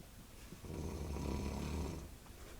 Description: My aunt snoring in bed after my confermation